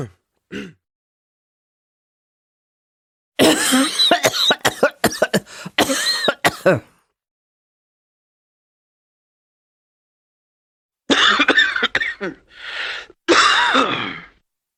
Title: Cough Sound